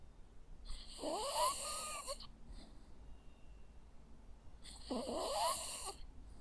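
Two rattling, whistly snores about four seconds apart from a sleeping small dog, with quiet room noise between them.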